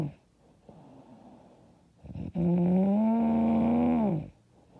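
A long, loud, buzzing snore on breathing in, after a quieter breath; heavy snoring.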